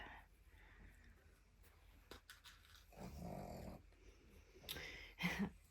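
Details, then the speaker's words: Soft, low rasping snores from a dog sleeping in the background of a quiet room, with occasional small clicks and handling noises nearby: dog snoring. "you hear the dog snoring in the background I wouldn't even thinks it's having a really tough day"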